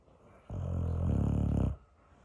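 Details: Sleeping dog: one long, deep, vibrating snore on the in-breath, lasting just over a second. Typical snoring.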